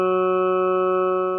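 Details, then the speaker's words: Normal EEG played as audio through the brain stethoscope function of a rapid-response critical-care EEG device: a steady, flat, organ-like drone with no blips; normal EEG sonification. "you will be able to hear the sound of the eeg that's being recorded the normal sound is going to be either flat or with very few blips here and there"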